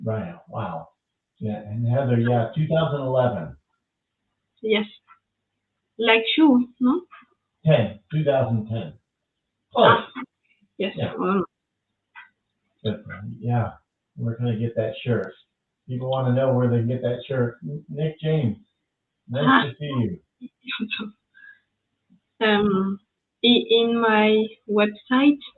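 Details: French woman with aphasia after an ischemic stroke at age 22 in July 2011; mute for 10 days, then a year of rehabilitation, still recovering speech; speaking English, a second language; post-stroke aphasia.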